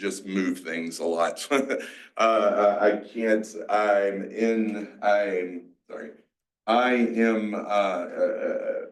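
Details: Aphasia, a mix of Broca's and Wernicke's, in a 47-year-old male after a massive stroke 6 years ago, with seizures; he had to relearn to talk and still has word-finding blocks.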